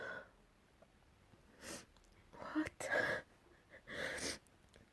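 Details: A run of small, partly stifled sneezes: short breathy bursts with a quick catch of breath, quiet room between; recorded last week.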